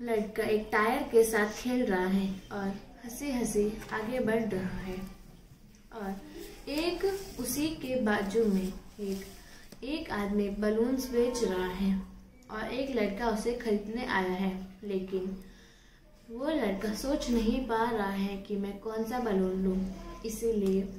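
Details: Stuttering in a Hindi speaker describing a picture during a stammering therapy session.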